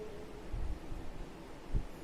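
Low heart thumps with a steady rumbling murmur between them, a patent ductus arteriosus murmur.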